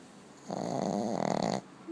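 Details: Sleeping dog snoring: a single long, buzzing, fluttering breath.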